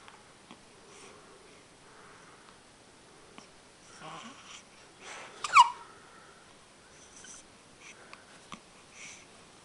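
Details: Infant with hiccups: soft breathing and faint noises, then a single abrupt, sharp catch of breath; infant hiccup.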